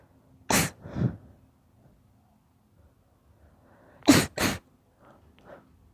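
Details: Daughter sneezing: four loud sneezes in two pairs, each a sharp explosive burst, with quiet between them.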